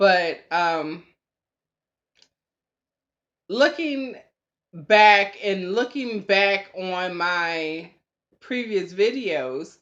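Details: Real speech of a woman about three years after a stroke, diagnosed with post-stroke anomic aphasia. She reports being much improved since the stroke but still having glitches; anomic aphasia.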